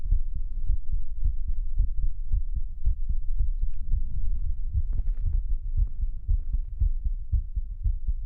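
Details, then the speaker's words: Steady, low, soft heartbeat thumps, roughly 110 a minute, over a faint hum: a pre-recorded normal heartbeat played as an ASMR trigger. "How was the heartbeat? So, I hit a a lower thump. These are beats have been pre-recorded so I can do brain tingles tonight."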